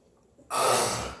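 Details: Sleeping man: a single loud, rushing breath sound like a snore or heavy sigh, with quiet room noise before it; noisy breathing.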